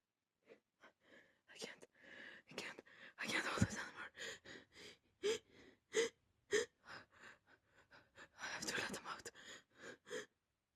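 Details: Rapid run of short, held-back stifled sneezes with catching in-breaths between, from a person deliberately holding back and stifling sneezes, which worsened the nasal tickle before a rapid sneeze attack.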